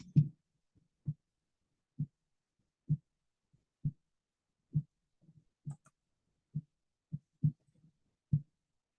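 Steady low heart thumps at about 67 a minute, with no murmur between beats: normal heart sounds.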